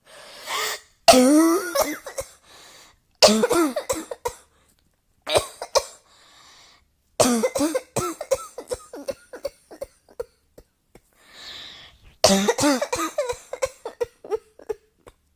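Repeated bouts of harsh coughing, each trailing into short dry hacks, with quiet gaps between bouts; ongoing coughing.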